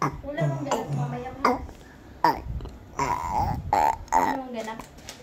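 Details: Baby, described as full, burping: several loud, drawn-out burps in a row over quiet room sounds.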